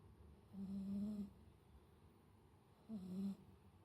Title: Kucing berdengkur.. My cat snoring.. 😄😄